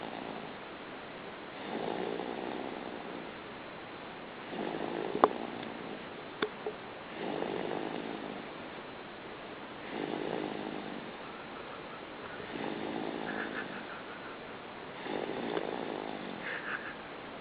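Soft, regular snoring breaths, about seven in 17 seconds (roughly 24 a minute), from a sleeping baby.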